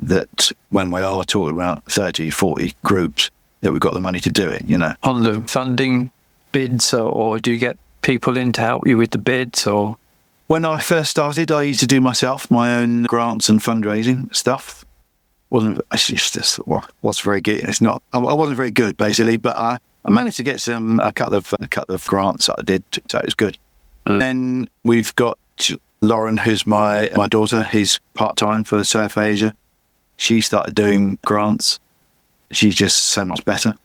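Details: Adult male with chronic aphasia after a massive stroke about 11 years earlier; still unable to read or write; aphasia.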